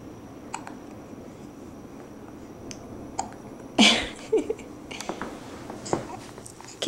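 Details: Infant hiccups: a few short, abrupt catching sounds over quiet room noise.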